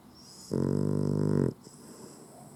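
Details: Puggle (dog) sleeping with eyes open: a single one-second buzzing snore with soft breathing noise after it; snoring.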